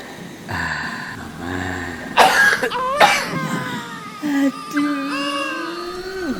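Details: Two harsh, abrupt coughs from an adult, acted for a cough-remedy advertisement, between stretches of soft voice and background tones; cough.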